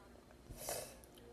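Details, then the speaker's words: A single abrupt catch of breath with a short throaty burst in a quiet room; one hiccup. "hi I have to hiccup"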